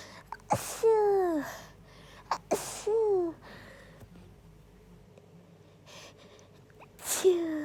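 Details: Induced sneezing fit: three forceful sneezes in quick succession, each a sharp burst with a falling voiced tail.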